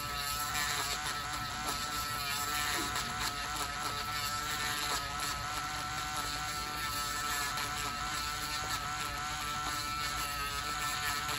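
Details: Continuous high whining drill hum throughout: a podiatry burr reducing thickened fungal toenails of a male patient on dialysis for one year with high blood pressure; samples were sent for lab testing.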